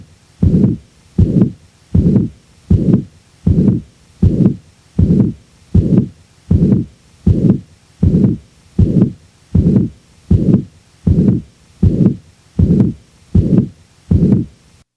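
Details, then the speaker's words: Pansystolic murmur in a patient with mitral regurgitation: regular heartbeat near 80 a minute with a long, even-intensity, rather high-frequency murmur filling each systole from first to second heart sound. "the next example will demonstrate the actual sounds from a patient with mitral regurgitation in this example note the rather high frequency of the murmur a characteristic commonly encountered in this condition"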